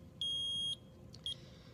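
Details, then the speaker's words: Eagle Impact Uni-Vent 754 transport ventilator with its 50 psi line not connected to an oxygen source: repeating high-pitched electronic alarm beeps over low room hum, signalling low oxygen supply pressure. "it's alarming because the 50 psi line is not currently hooked up to an oxygen source and it can sense that that's kind of a nice feature because if you were to run out of oxygen or forget to hook it up to oxygen it's alarming you're telling you there's something wrong"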